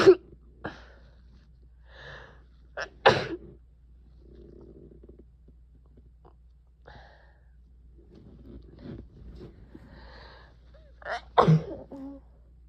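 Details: Two sharp explosive sneezes with quiet sniffing and breathing between them, in a person with a cold over a week old, profuse runny nose, and ongoing sneezing and coughing.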